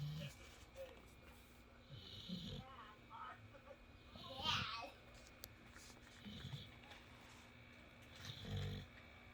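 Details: Pink-nosed bully dog snoring and dreaming while asleep: soft, rumbling snore bursts every couple of seconds with quiet gaps and faint room noise.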